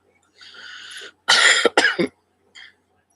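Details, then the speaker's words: A soft throat-clearing rumble, then two sharp, loud coughs in quick succession with a faint trailing sound, from an adult who says she is not fully well and coughs between talking. "No, I'm not 100%. I want to have at least a voice without coughing in between talking."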